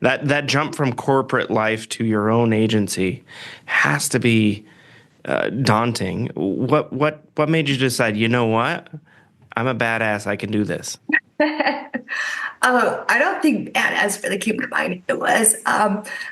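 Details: Adult male speaker in conversation; typical voice.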